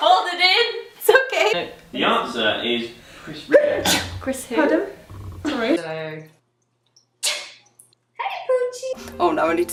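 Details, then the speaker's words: A compilation of people sneezing: several sharp, explosive sneezes mixed with brief talking from different people, including sneezing several times in a row; repeated sneezing. "Okay. Hey, I hate sneezing."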